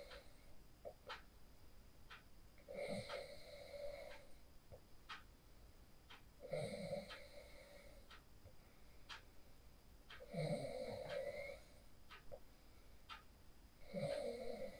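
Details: Phone recording of a sleeper after practicing the 4-7-8 breathing technique: loud rattling snores, about four breaths in 15 seconds (roughly 16 a minute), with quieter breathing between; snoring during sleep.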